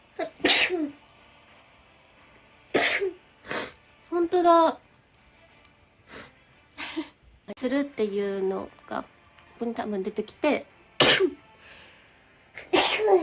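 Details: Compilation of rapid sneezing: about seven sharp explosive sneezes with voiced 'achoo' sounds between short gaps, plus brief laughter and talk; repeated sneezing.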